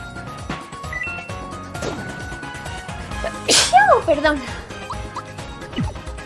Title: Sneezing